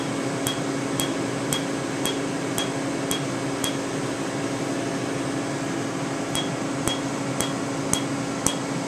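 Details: Candela TriVantage Q-switched laser tattoo removal, 755 nm alexandrite for green ink and 532 nm YAG for red, on a tattoo now very faint; evenly spaced sharp snapping clicks about two a second over a steady machine hum.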